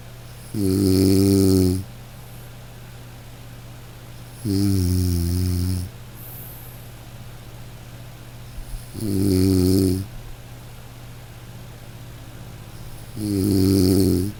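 Four loud, buzzing snores on the breath in, about 14 a minute, with quiet breathing out between; steady rhythmic snoring.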